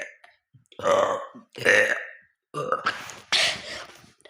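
Four loud, drawn-out throaty belches in quick succession over about four seconds; repeated burping.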